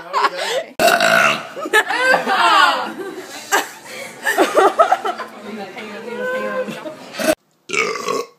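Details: Burping, compilation clip: long, rumbling voiced belches mixed with talking and laughter; burping.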